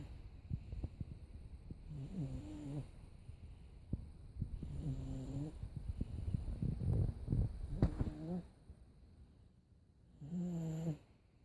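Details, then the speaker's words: 17-month-old sleeping and snoring: rough, rattling breath noises, some with a voiced tone, repeating every few seconds. "Sleepy boy. He's gonna snore like Grandpa."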